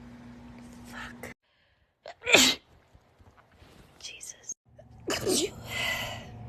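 Two sharp, hissing bursts a few seconds apart, each a sudden explosive air release typical of sneezes, with faint room noise between.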